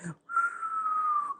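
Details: Wheeze imitated by a doctor in a live demo, described as an expiratory breathing sound: a single sustained high-pitched whistling breath, slowly falling in pitch.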